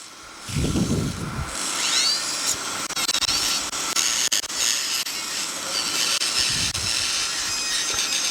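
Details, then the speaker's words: Cochlear implant surgery after cortical mastoidectomy: high, hissing whir of a large-bit surgical drill with suction, thinning the posterior ear canal wall until papery thin, suction inside the external auditory canal to detect perforation. "For this you should use a bigger drill bit, not the small drill bit, so that may perforate the posterior canal wall. See, I am making it thin, papery thin."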